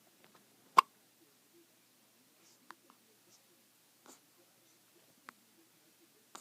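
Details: A newborn hiccupping: short, sharp, isolated clicking gulps at irregular intervals, about five in six seconds, in a quiet room.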